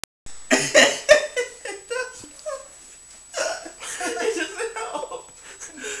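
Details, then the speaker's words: Hard hiccups in a man: several short, abrupt vocal catches at uneven intervals, mixed with laughter-like breathy sounds. "Damn. I haven't got hiccups that hard in a while."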